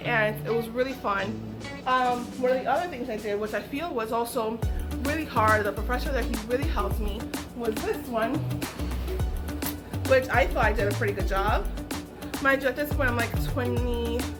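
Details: Adult woman with aphasia following a stroke, which she says took away her ability to talk, write and paint; aphasia.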